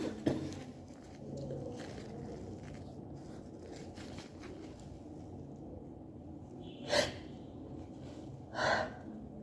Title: ALLERGY SNEEZE ATTACK #allergies #cantstopsneezing